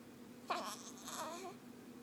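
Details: Ten-day-old newborn boy with hiccups being encouraged to hold his head up: a short, thin cry with a couple of brief wavering vocal bursts in a quiet room.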